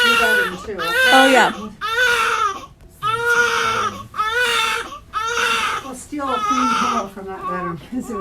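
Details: Vigorous newborn boy crying shortly after unmedicated, self-induced birth without epidural to a first-time mother: loud rhythmic cry bursts with brief gasps between them.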